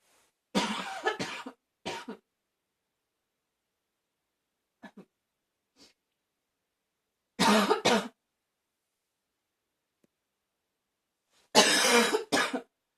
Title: #76 barking cough anyone?